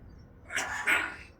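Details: A female parrot, wet after being sprayed with water from a spray bottle, gives two quick, hissy bursts like a small cough or sneeze; cough or sneeze.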